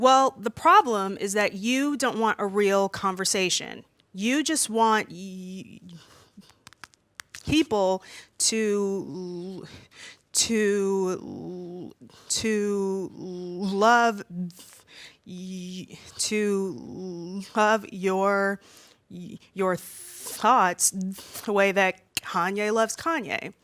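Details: Stuttering with repetitions, in an adult woman aged 32 who has stuttered since about age three and says she stutters more when nervous speaking in front of a room.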